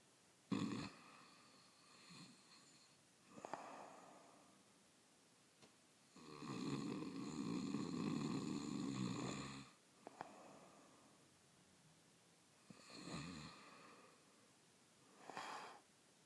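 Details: Adult man (husband) snoring: rough, rattling snores on the in-breath with quieter out-breaths, about four breath cycles in sixteen seconds.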